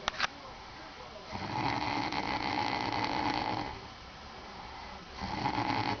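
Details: Man snoring in sleep after drinking a few tall-boy beers, caught on recording by his girlfriend; two long, rough, rattling breaths over steady room noise.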